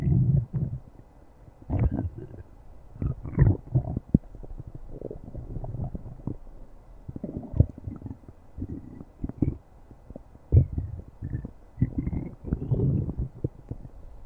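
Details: Stomach growling: deep, gurgling rumbles in irregular bursts throughout.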